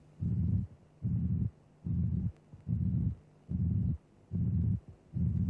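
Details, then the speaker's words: Flat, constant-amplitude pansystolic murmur of mitral regurgitation at about 74 beats per minute, obscuring the first and second heart sounds and followed by a third heart sound; a teaching recording on cardiac auscultation. "Notice that the sound envelope is flat. The murmur has constant amplitude. The murmur is pansytolic."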